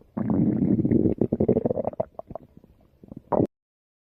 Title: My Stomach Growls (2019 Video)